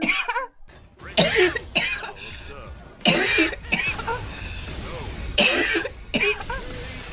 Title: Girl coughing 196